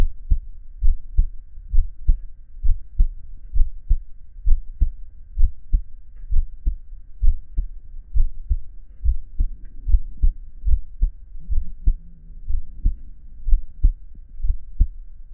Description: chubby hairy male listening to his heartbeat for relaxation and ASMR